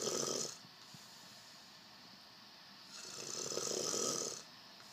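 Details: Person snoring during sleep: two loud, rough, rattling breaths separated by a quiet pause; snoring.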